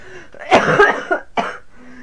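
Two harsh coughs, a long rough one then a shorter burst, interrupting reading aloud; ongoing troublesome cough.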